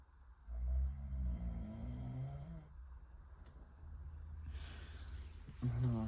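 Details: Loud, low rumbling snoring from a sleeping adult around 2:30 a.m., with a fluttering, rasping quality on the breaths.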